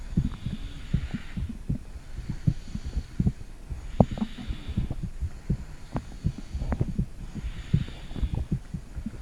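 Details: Mother's heartbeat recorded with a phone microphone on her stomach: soft low thumping heartbeat heard through the body, mixed with gurgling and rubbing noise, ordinary heart sounds.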